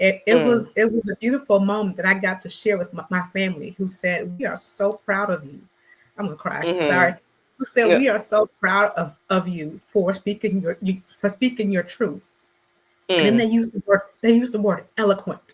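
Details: Adult woman who describes herself as a person who stutters; word and phrase repetitions are heard. Stuttering.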